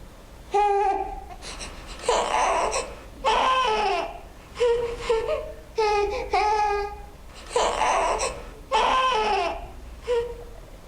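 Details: Infant cries in short, whiny bursts broken by frequent pauses, with a complaining, fussy tone, presented as an example of a discomfort cry, not an intense pain cry.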